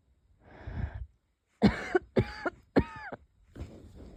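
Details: An outward breath, then three short coughs with a squeaky, whistling tail, then more breathing; light wheezy cough in a person unsure whether it is a cold or an asthma flare-up.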